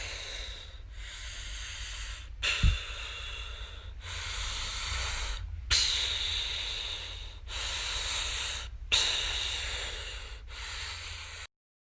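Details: Boy snoring in sleep: regular hissing, snorting breaths with brief pauses, about 19 a minute, mostly airy rather than low rattle.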